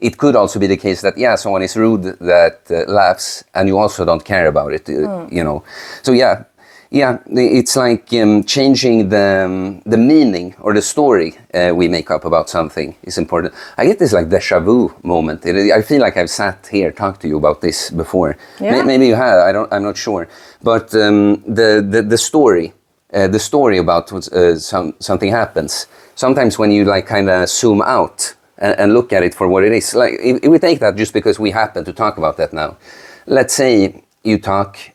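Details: Adult male speaker; normal fluent speech.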